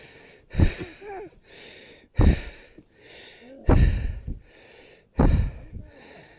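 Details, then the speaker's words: Climber lying in bed at Camp 3 on Mount Everest without an oxygen mask: deep, forceful breaths at about 37 a minute at rest, harder than marathon pace; rapid heavy breathing at high altitude. "I can't believe this my respiration just lying down in bed at Camp 3 wow it's amazing tell you I don't breathe this hard when I'm Marathon piece it's incredible"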